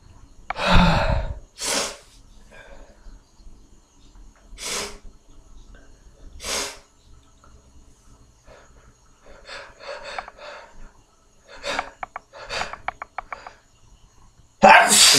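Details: A run of repeated sneezes during a hangover, with snorting and audible breaths between bursts, ending in a final loud sneeze.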